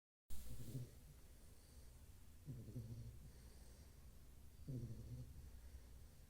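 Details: Snoring from a sleeping bullmastiff (tagged as a bullmastiff puppy): three deep, rumbling snore breaths about two seconds apart, low and regular.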